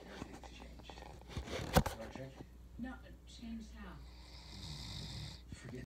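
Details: Sleeping Doberman dog snoring: soft, low rumbling breaths with snorting noises.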